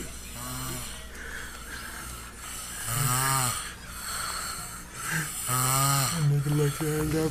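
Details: Son snoring: loud, tonal rumbling snores recur roughly every two to three seconds with each breath over faint room noise; heavy snoring.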